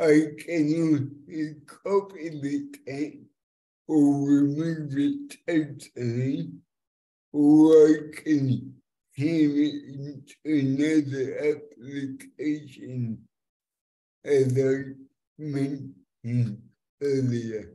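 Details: Adult man with cerebral palsy since birth affecting fine motor control and speech, after years of speech therapy, demonstrating a speech-recognition web app; finding: dysarthria (cerebral palsy).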